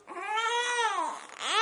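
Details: Infant crying during tummy time; he refuses to practice crawling on his tummy. A single sustained, rising-and-falling wail, then the start of another: fussing cry.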